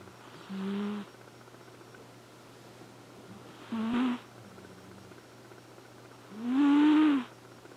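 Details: Elfin, a Flame Point Siamese cat, snoring while asleep: three soft, buzzy snores at a steady breathing pace of about 23 a minute, with quiet pauses between.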